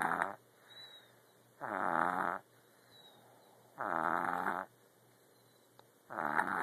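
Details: Rhythmic rattling snores on each in-breath, about 28 a minute, with quiet gaps between; a person snoring.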